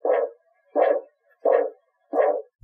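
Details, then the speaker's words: Korotkoff sounds during a manual blood pressure with cuff and stethoscope over the artery: thumping pulse fades as cuff pressure drops until it stops; the last thump marks the diastolic pressure. "it will start to fade as the gauge pressure continues to drop until you eventually stop hearing the thumping at all the number the needle is pointing to when you hear the last thump is your diastolic pressure"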